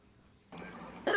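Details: Dog coughing, shown as an example of symptoms while canine influenza is discussed; canine cough (kennel cough).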